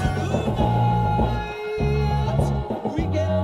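Rock music with heavy, boosted bass and drums and very little treble, a simulation of hearing loss with good low-pitch hearing.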